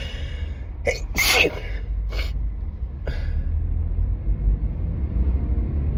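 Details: Several muffled sneezes and sharp in-breaths over steady car road noise, after high pollen, wedding flowers and a strong synthetic car air freshener the sneezer is allergic to; enormous allergic sneezing fit.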